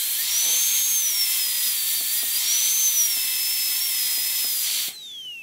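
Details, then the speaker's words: High-speed dental drill with a steady whine and faint water-spray hiss, rising and falling as it cuts, during a full zirconia crown prep on tooth #3: guide cut along the oblique ridge to the distobuccal cusp. "I will do another guide cut along the oblique Ridge and it will connect with the other guide cut on the distal buccal cusp going along that triangular Ridge"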